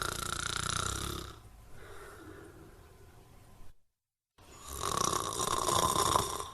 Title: Snoring compilation 51